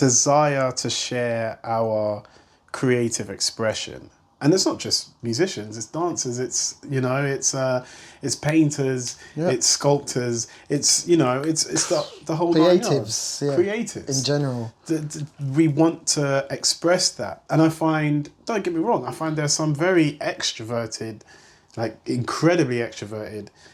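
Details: Stuttering (stammer) in an adult male singer and vocal producer who has lived with it.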